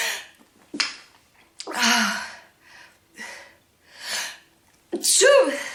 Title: Lady Sneezes 46 times and blows her nose